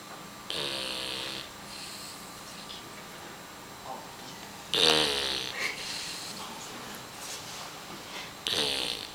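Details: Dog sleeping on a person's leg: intermittent nasal, whistling snores with a buzzy rattle, a few breaths apart, in a quiet room; snoring.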